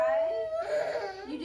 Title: Crying babes with mom